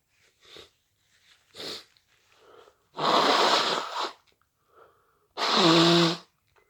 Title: Induced hayfever sneezes